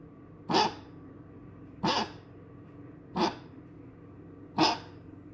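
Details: Four short, harsh expiratory bursts about a second and a half apart: repeated coughing from a dog, coughing again.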